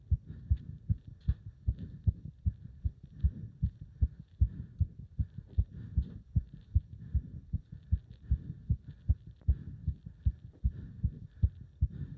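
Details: Strong, regular, fast heartbeat at about 150 a minute during leg-wrench exercise, with throbbing felt up to the subclavian artery; rapid heartbeat during exercise.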